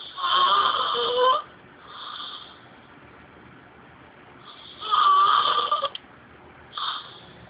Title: Have you ever heard someone snoring like this?